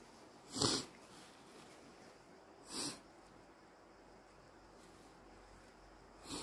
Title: Very snotty morning - Induced sneezes and nose blowing